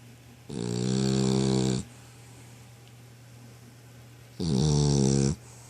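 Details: Dog snoring: two loud, long, buzzing snores with quiet breathing between them.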